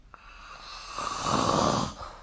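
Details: Snoring recorded with the SnoreLab phone app: one loud, rough, rattling inhaled snore building over about a second, from vibrating throat tissue during sleep.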